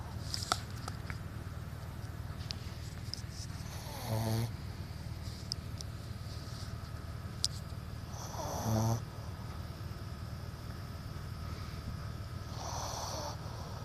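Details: Snoring: three slow, rattling snores at about 13 a minute over a steady background hum.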